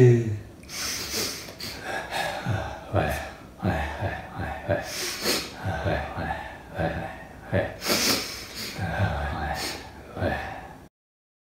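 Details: Adult male: repeated rough nasal snorts and sharp inhaled gasps, with a few sneeze-like bursts between them; repetitive snorting through the nose around a sneezing fit.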